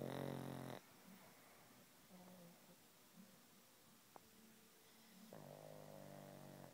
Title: snoring and twitching pug